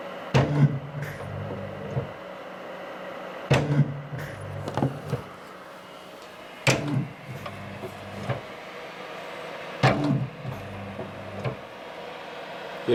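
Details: Motor whirs and clunks about every three seconds, roughly 19 cycles a minute, over a low hum from a DIY open-source ICU ventilator compressing an Ambu bag, tested at adjusted inhale-exhale ratio; mechanical ventilator cycling.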